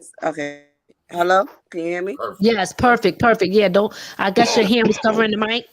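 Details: Adult speaker, possibly with a second voice, on a remote call; normal voice.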